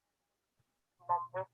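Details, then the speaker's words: Simulated moderate high-frequency hearing loss with background noise: a single spoken word by a man sounds dull and muffled, its crisp consonants stripped away. "so this is moderate hearing loss with background noise"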